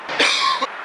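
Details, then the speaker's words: Single harsh, forceful adult cough with no whoop or gasp after it, from a man sick for two weeks with night coughing fits causing choking and breathlessness; chest X-ray normal, he suspects whooping cough. "I've had this crazy cough that's been keeping me up all all night it's like these crazy like cough it's that are like just wakes me up in the middle and I'm choking and I can't breathe"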